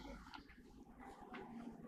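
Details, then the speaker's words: Patient with an autoimmune movement disorder featuring sleep disturbance and stridor talks in her sleep; stridor follows but is barely audible. "She's sleeping and she's talking in her sleep."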